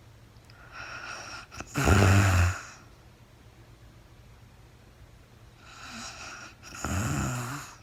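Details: Real-time recording of a woman asleep, very tired: two snoring breaths with a rough snorting rattle on inhalation, separated by a few seconds of quiet, no talking; snoring during sleep.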